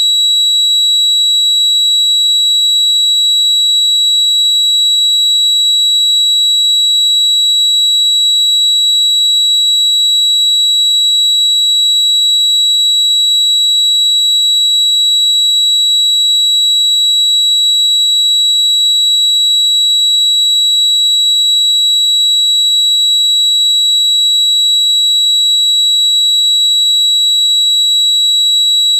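Steady high-pitched ringing tones without pause, a simulation of tinnitus.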